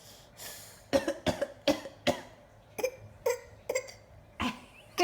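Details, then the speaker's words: Voluntary fake cough from a young teething child, no sign of illness: a string of short, light, deliberate coughs. "was that a fake cough what that"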